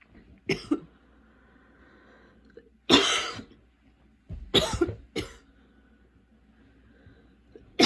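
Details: Several harsh cough bursts separated by pauses in a quiet room, from a person having repeated coughing fits despite medication; persistent cough.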